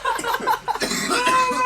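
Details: Young adult male college student gives a run of hard, strained coughs after hitting a vape ("blinker"), with friends laughing and talking around him; he afterwards reports breathing hurts.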